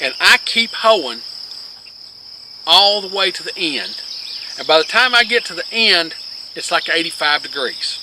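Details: Adult man with long-standing multiple sclerosis, with word-finding difficulty, who quit teaching physics because of it; finding: scanning speech (ataxic dysarthria).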